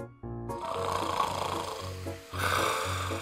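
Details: Snoring in a person with rhinitis who reportedly stops breathing during sleep, suggesting sleep apnea: snoring.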